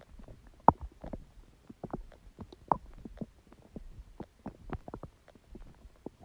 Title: Stomach sound and noise | My Stomach Makes Noises